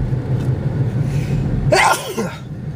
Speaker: I'm going to sneeze